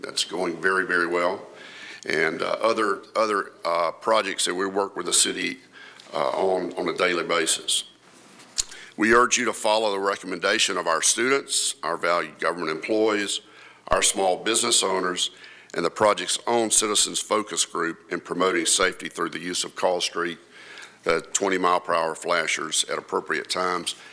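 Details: Adult woman who reports having a vocal tremor, speaking at a public hearing; vocal tremor.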